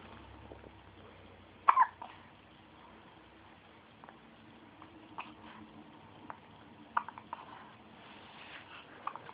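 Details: Baby boy with hiccups while filling his diaper: brief, abrupt, sharp catches a few seconds apart, with one louder burst; hiccups.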